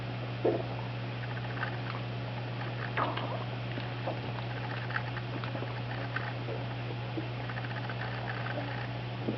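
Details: Dog with SIBO and/or EPI (owner unsure which causes them): frequent irregular gurgles and squelching pops over a steady low hum, all from his belly apart from a chair squeak; hyperactive bowel sounds (borborygmi).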